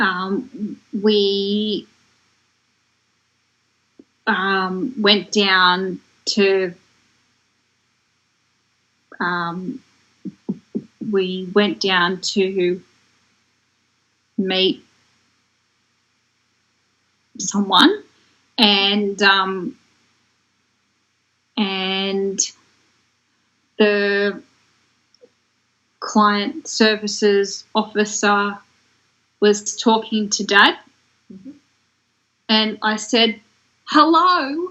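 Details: Woman who developed aphasia after a stroke in 2016 at age 33, in long-term recovery; aphasia.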